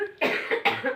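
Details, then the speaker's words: Adult with a cough lasting 15 years that has not improved with medical treatment, coughing about three steps after leaving a room (a supernatural cause in the room is suspected): two quick, harsh, dry-sounding coughs after a faint breath. "coba ini terikat dari kamar setiap masuk kamar kalau keluar tiga langkah batuk"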